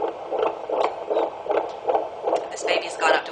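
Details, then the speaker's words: Fetal heart rate on Doppler over the pregnant abdomen, baseline 140–146, rising to 162 when the baby is stimulated to move: rapid, regular whooshing heartbeat, an acceleration signalling the baby is doing well. "one thing that you can do too if there's um mom who's concerned that the baby's not moving around a whole lot you can sometimes get the baby to move while you're listening to the heart rate and you'll actually hear the heart rate"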